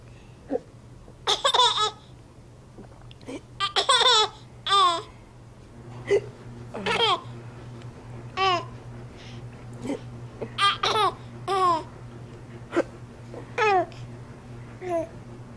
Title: Baby Laughing at Mommy Hiccups